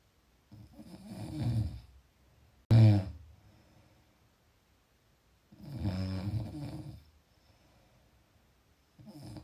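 Loud, rattling snores on each in-breath during sleep, with quiet pauses between; typical snoring.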